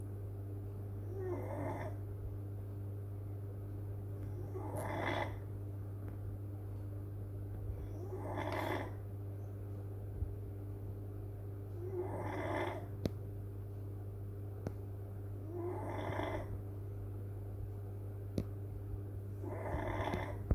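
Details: Older beagle snores softly, a rattling snore on each breath about every three and a half seconds.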